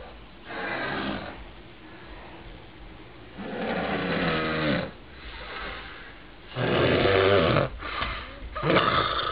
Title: Da Snoring Bear